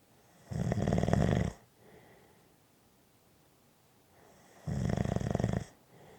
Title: Snoring Audio Clip 5 Minutes Black Screen